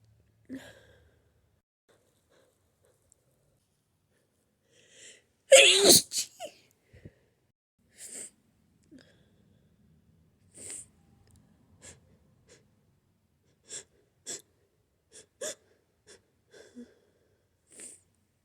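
One loud, forceful sneeze after a brief buildup, followed by sniffles and small breathy sounds in a quiet room.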